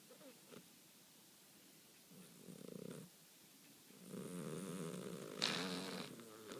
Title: Sleeping Snoring Persian Cat